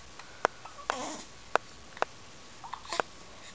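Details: Four sharp, abrupt little clicks about a second apart with soft noises between them, from an infant girl who gets hiccups often and gets upset, moving her arms and kicking; infant hiccups.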